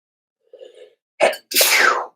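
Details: Adult male sneezing: a soft intake of breath, then a sharp two-part burst, a single loud sneeze in a quiet room.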